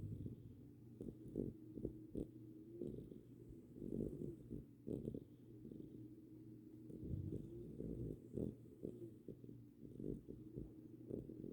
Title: Winston snores